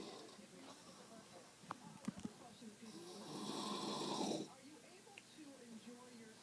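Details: Grandmother asleep: a single long, rough, rattling snore on the in-breath in a quiet room with faint background sounds; snoring.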